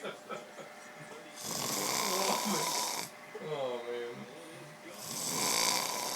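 Loud, harsh, rasping snores on each breath, with a voiced groan between them.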